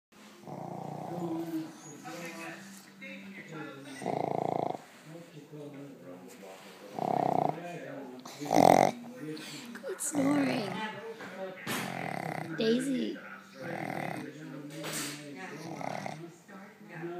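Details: Female dog snoring very loudly while asleep: rumbling, growl-like snores and snorts recurring throughout.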